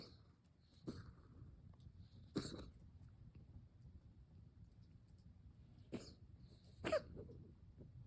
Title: coughing 12 31 24